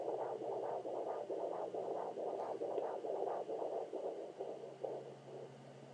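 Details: Fetal heartbeat on a Sonoline B fetal Doppler at 27 weeks 3 days of pregnancy, a very active baby who kicks near the end.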